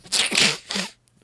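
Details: One sharp, hissing sneeze with a quick intake before it, then quiet, from a person with a plugged-up nose, phlegm in the throat and a tickle in the throat.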